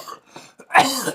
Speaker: Right as we speak, of course, you can hear that I've got a problem with my coughing, my lung congestion. It's gotten better.